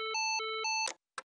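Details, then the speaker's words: LifePak CR2 automatic defibrillator in adult mode, with pads applied: voice prompts to analyze rhythm and stand clear, an alternating two-pitch tone, then a sharp burst and click as a shock is delivered. "do not touch patient analyzing heart rhythm preparing to shock everyone clear do not touch patient delivering shock"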